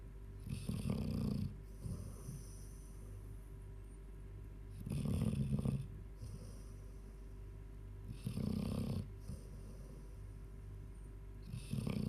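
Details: A 14-year-old Labrador snoring in sleep: regular rattling snores on inhalation, roughly every three to four seconds, with softer exhalations between.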